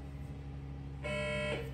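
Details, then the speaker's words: Infusion pump alarm in a hospital room after gender reassignment surgery; patient thinks something is running out: steady room hum, then a sustained electronic alarm tone starts. "don't know why that's beeping now I think something's running out"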